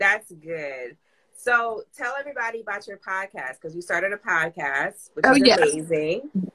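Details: Adult woman speaking; normal speech.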